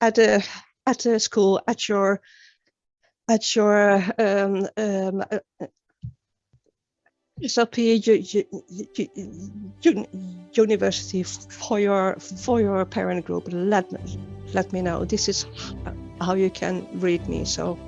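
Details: Real stuttering in an adult woman who began stuttering at age nine, with many word and phrase repetitions; finding: stuttering.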